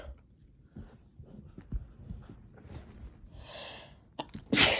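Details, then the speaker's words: Stifled sneezes after chhinkni snuff: quiet rustling and breathing, then a held-back sneeze and a sharper sneeze burst at the end. "I'm trying to stifle a few. Kind of a mess."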